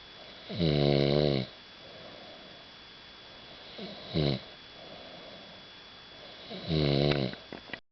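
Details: Sleeping person at Keekoroke: three rattling snores over about eight seconds, one short and two longer, with quiet breathing between and a steady faint hum in the room; snoring.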